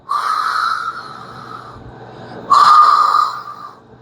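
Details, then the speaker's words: Voiced imitation by a cardiologist of a continuous whooshing, machinery-like murmur, as heard and felt as a thrill over a dialysis patient's arteriovenous fistula: continuous murmur (AV fistula bruit). "Doctor, yo tengo un soplo continuo."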